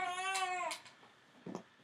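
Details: Two-week-old newborn boy getting fussy as a light-touch chiropractic adjustment begins: a brief, high-pitched wail that falls at the end, then a short fussy sound; newborn crying.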